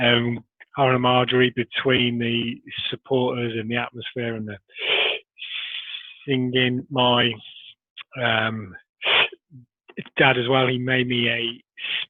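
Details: Adult man who has stammered since early childhood, with blocks and repetitions persisting despite Starfish Project technique; stuttering.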